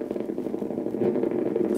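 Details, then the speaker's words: Needle EMG of the medial gastrocnemius while the subject pushes down on the examiner's hand: steady, fine crackling static, normal motor unit sound, unlike the loud thumping of abnormal units. "is a very very normal sound the abnormal motor unit sound will be thumping and will be very very loud like a motorcycle idling"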